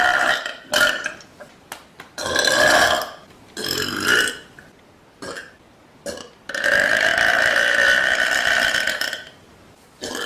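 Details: Young woman burping loudly on a couch, compilation: series of loud, drawn-out voiced burps with short pauses between them; repeated belching.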